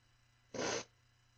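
One brief, soft, hissing burst about a third of a second long in a quiet room, consistent with a small sneeze.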